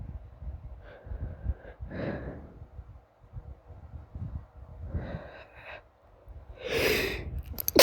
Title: sneezing